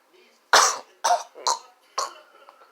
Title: Sugar snorting challenge can't stop coughing 😷